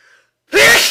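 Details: Sneeze attack: a single loud, explosive sneeze bursting out after a brief silence, part of a series of repeated sneezes; sneezing.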